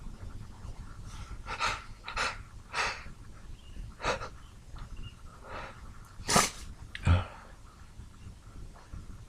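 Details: Hungover person's sneezing fit: noisy run of breathy puffs and several sneeze bursts in quick succession, with steady background noise; stuck sneezes toward the end.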